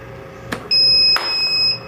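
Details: Two clicks then a short, high, steady electronic tone from a CAIRE SeQual Eclipse 5 portable oxygen concentrator as AC power is removed and it switches to run solely on battery.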